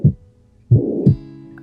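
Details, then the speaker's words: Tricuspid regurgitation murmur, right-sided, increasing in intensity during inspiration (Rivero-Carballo sign). "A este aumento de la intensidad del soplo del lado derecho del corazón durante la inspiración se le denomina signo de Rivero-Carballo."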